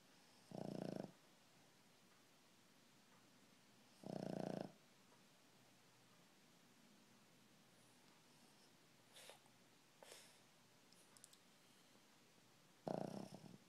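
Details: Snoring in a sleeping dog: three short, coarse snores at irregular intervals of about four and eight seconds, with faint sniffs and small noises between.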